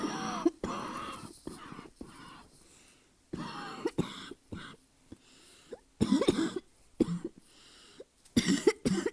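Repeated harsh, hacking coughs in irregular bursts, some with a throat-clearing quality, separated by brief quiet pauses in a small room; a barking cough linked to asthma.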